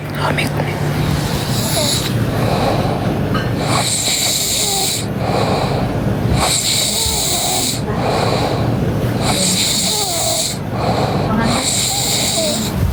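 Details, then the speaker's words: Husband snoring heavily in his sleep; his wife says she hears this snoring by her ear every day. Loud, rough snores about every two seconds, each followed by a quieter breath out, with background noise. "Kebayangkan jadi aku kan? Tiap hari ku dengar tuh suara ngorok kayak gitu di kupingku."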